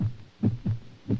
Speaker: this is the beat of a human heart sit very still and listen